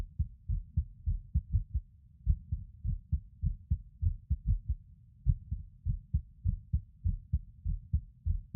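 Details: Male recording his own heartbeat while lying on his bed: a muffled heartbeat near 100 a minute with uneven spacing, occasional pauses and early beats. Irregular heartbeat with skipped beats.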